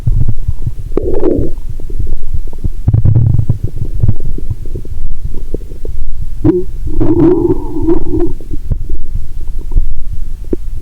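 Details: Stethoscope on the abdomen while lying down, after drinking cola with Mentos (not the full 1.5 L): loud, low rumbling and gurgling with bubbling runs; active bowel sounds.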